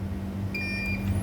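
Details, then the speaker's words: A short high steady beep over machine hum: defibrillator charge-complete signal during output testing, charged to 100 J in about 2 seconds, under 8 seconds, so working properly. "charged (beep sound) ..press discharge It took around 2 seconds to charge for 100 J. It is under 8 seconds that means machines is working perfectly."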